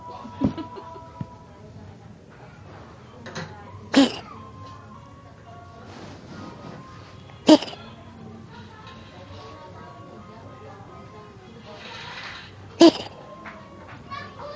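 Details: Three brief, sharp coughs spaced several seconds apart, over steady background music and room noise.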